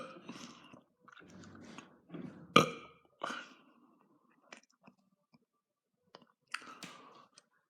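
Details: Burping between bites: several short throaty burps, one louder, between quiet chewing sounds. Ordinary belching.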